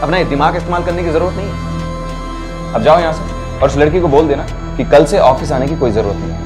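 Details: Adult male actor speaking Hindi; no speech disorder.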